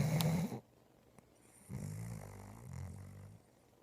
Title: snoring